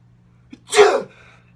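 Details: A quick in-breath followed by a single loud, forceful sneeze, deliberately imitated as a typical 'dad-style' sneeze: a simulated sneeze.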